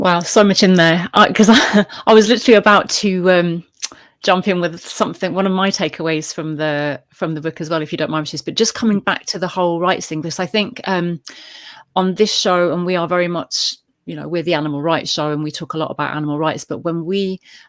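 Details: Adult speaker; normal speech.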